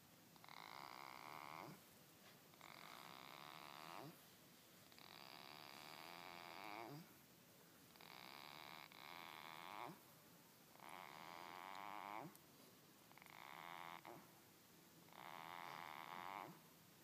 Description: Goat snoring